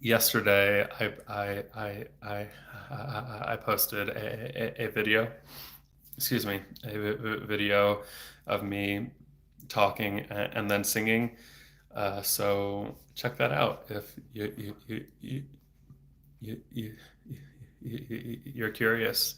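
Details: Stuttering in a 34-year-old man, a speech-language pathologist, stuttering since age eight (about 26 years); he had speech therapy off and on until his early 20s and speaks without fluency strategies; frequent repetitions and blocks.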